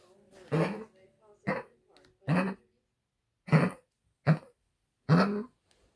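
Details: Coughing fit recorded 18 Feb 2022 at 8 pm: a run of six harsh, forceful coughs in quick succession.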